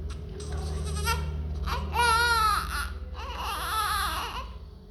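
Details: Strong, high, wavering cries in short bursts from a newborn right after birth, over a steady machine hum; a vigorous first cry, a healthy sign.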